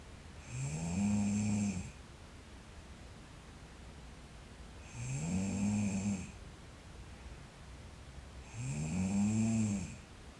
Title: Sleeping Girl Beauty Snoring (TKCW) Part 1